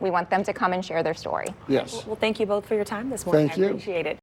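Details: Adult speakers in conversation; Normal speech.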